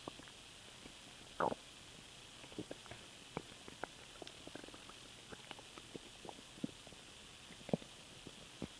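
Faint gurgles and small pops over steady hiss, with a couple of louder squelches: stomach noises after swallowed air.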